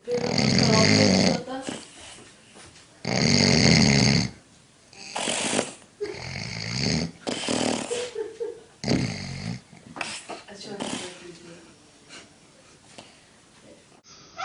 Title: The Funniest Snoring You Have Ever Seen